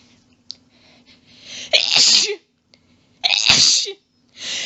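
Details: Female sneezing fit: two forceful sneezes in quick succession, each with a breathy build-up, part of a long fit of rapid quadruple sneezes with some coughing from losing breath.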